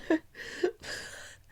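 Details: Adult woman's wet productive cough with audible phlegm settling in her mouth: a few abrupt harsh coughs with a rough throaty tail.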